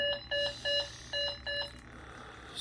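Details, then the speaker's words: Bedside CO2 monitor alarm, repeated short high-pitched two-tone beeps in a quiet hospital room, early morning about day three to four after esophagectomy, while the patient struggles with congestion trying to cough mucus from the lungs. "alarm going off I believe just trying to clear out my lungs"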